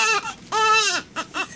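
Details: Newborn boy, wet and cold while being dried and wrapped, giving short, strong cries with clear, high voiced wails and brief breaks: an ordinary baby cry.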